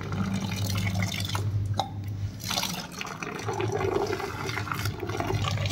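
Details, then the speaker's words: Pericardiocentesis with trocar and cannula in a 6-year-old cow with traumatic pericarditis: steady splashing and trickling of pericardial fluid draining almost completely, with low background hum. "so this is how we can drain so whenever you drain through this so almost the whole pericardio fluid drain other wise with the needle only few ml or you can say a very little amount come through the N"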